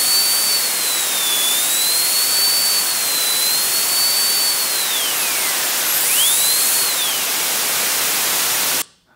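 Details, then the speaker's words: Simulated dental drill, high whining sound rising and falling in pitch, partly masked by loud hissing white noise used as audio analgesia, the idea being that noise masks the drill sound and relieves pain. "So the idea is partly that some of the pain is synesthetic, right? It's in a reaction to the sound of the drill, and the noise actually masks it."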